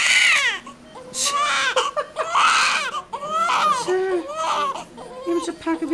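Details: Strong, high-pitched cries in short repeated bursts from a baby boy only a few minutes old, with soft adult voices nearby; a normal newborn cry.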